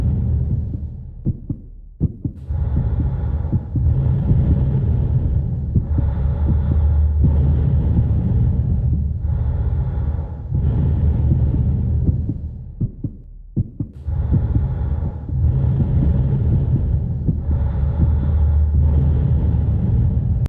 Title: Heart And Lung sounds